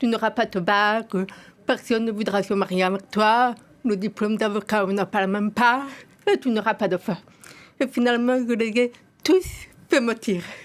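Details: Profoundly deaf adult woman, hearing aid since infancy yet unable to hear her own voice, taught to speak via lip-reading and 20 years of speech therapy, still returning every 3-4 years; deaf speech.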